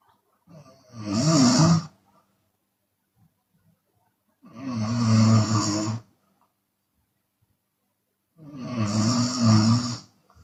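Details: Loud, rough open-mouth snoring from a sleeping Chinese woman, recurring about every four seconds with quiet pauses, sometimes exhaling.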